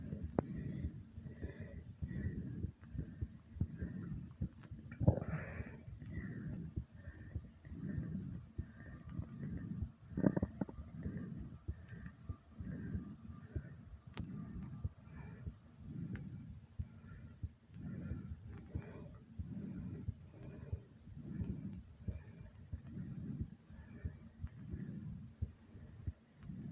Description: after jumping in place for a little while my heart sped up and my breathing was a bit hard but no worries i am great :D